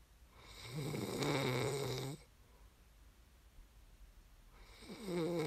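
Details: ASMR snoring recording made for listening to fall asleep: a long rattling snore on the in-breath, a quiet pause, then the next snore beginning, in a quiet room.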